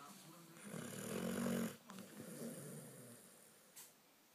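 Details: Sleeping, very tired female dog nicknamed Pig for her noises: one long, loud, rattling snore, then a softer snuffle, with faint room noise. Dog snoring.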